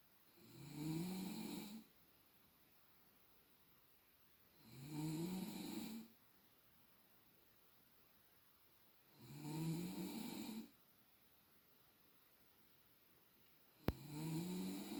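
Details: Adult woman (girlfriend) snoring during sleep, measured with a sound level meter at roughly an extra 10 dB: regular loud, rumbling in-breath snores, about 15 breaths a minute, with quiet pauses.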